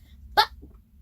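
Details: Read-aloud of a children's book interrupted by hiccups; the reader says she keeps hiccuping while reading Cinderella Dressed in Yellow: a hiccup.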